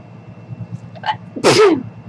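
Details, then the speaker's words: A single adult woman's sneeze, announced beforehand: a short inward catch of breath, then one loud explosive burst. "Excuse me. Did you hear that? Mommy sneezed."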